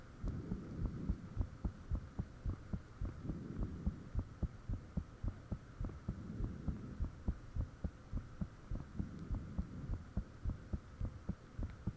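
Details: Own heartbeat recorded with the fan off, shortly after the heart began feeling really thumpy: loud, steady, fast but regular thumping about 105/min over a faint steady hum; valves and blood rushing said audible at times; heart sounds.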